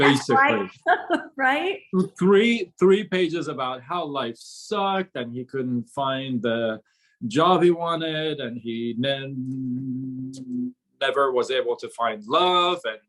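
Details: Adult man who began stuttering at about age six; from about age 13–14 to 24 he could hardly speak, gasping for air with chin shaking; still stutters on certain sounds such as "seven": stuttering.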